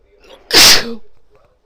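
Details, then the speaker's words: Single forceful adult sneeze after a day of tickly false starts, a sudden loud hissing burst fading with a short voiced tail; sneeze. "sorry I tried to hold it back but it was too strong okay I got to blow my nose now sorry oh I feel so good to get those sneezes out"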